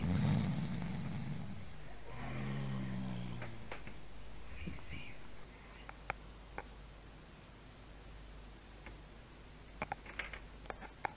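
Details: Dog lying on a loud snorer: low, rough rumbling snore at the start, then quieter breathing with scattered rustling; snoring.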